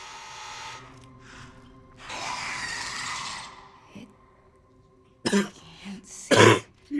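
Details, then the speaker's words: Adult with a croaky voice, coughing while speaking: two short, harsh cough bursts and a throat clear, voice hoarse just after, over quiet video-game background sound. "The coughing has begun. And then I sound like this just after the coughing."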